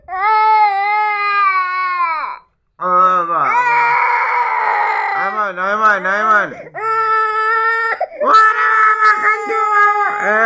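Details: Baby crying after waking up, with adults encouraging him to cry louder: loud, sustained infant crying in long wailing bursts with brief gasping pauses, in a small room.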